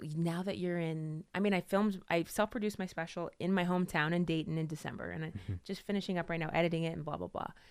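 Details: Adult woman speaking; typical speech.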